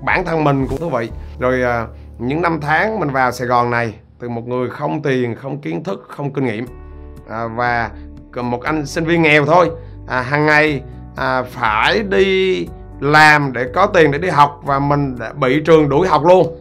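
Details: Stuttering in an adult male who says he stutters.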